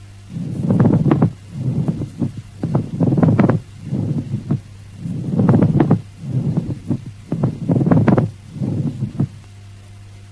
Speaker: Listen to the pleural rub, which has a rubbing or creaking quality like the creaking sound of new leather and is of loud intensity and superficial nature, sounding very close to the ear. It is heard in both inspiration and expiration, and if very loud, it may even be palpable.